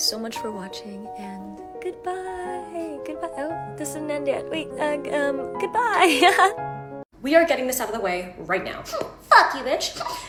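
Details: Involuntary obscene vocal tics (coprolalia) interrupting speech in a young woman with Tourette syndrome, onset around age 13–14, who also has echolalia and late-diagnosed autism.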